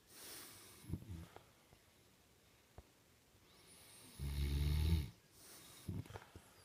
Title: Dad snores